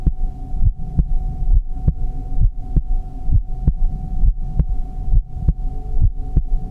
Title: Heartbeat sound | relaxing 💜